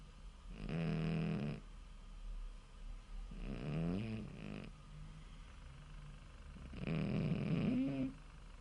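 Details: Bob, a sleeping cat: three loud, rattling snores on slow breaths, each a low buzzing vibration with quiet pauses between; snoring.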